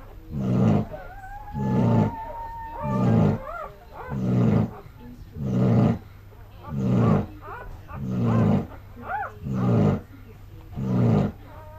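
Loud, regular rumbling snores, about nine in twelve seconds, with soft whistling sounds between them; ordinary heavy snoring in deep sleep.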